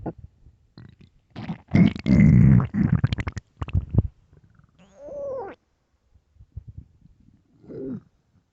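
Loud bursts of low rumbling and bubbling, then squeaky drawn-out gurgles; hunger growling of an empty stomach.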